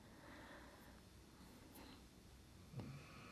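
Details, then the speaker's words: A pet dog snores in the background of a quiet room, with low rumbling breathing and a brief snorting snore near the end. "My apologies if you can hear my dog snoring like crazy in the background."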